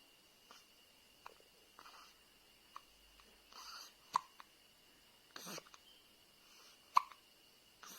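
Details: Newborn baby girl with hiccups: quiet, abrupt little catches repeating irregularly, about twenty a minute, over soft room hum.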